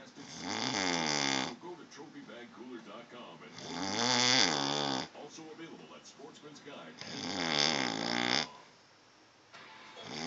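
Loud rattling snores, three in about ten seconds, with rough vibrating breaths in and quieter breathing between.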